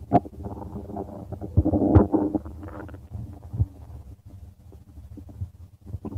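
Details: Stomach rumbling with low bubbling gurgles and irregular rumbling that swell and fade as gas and fluid move through the bowel; ordinary bowel sounds.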